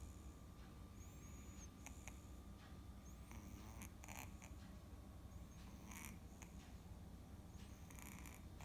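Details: Soundly sleeping kitten snoring heavily: soft, rough, low rumbling breathing sounds over faint room noise.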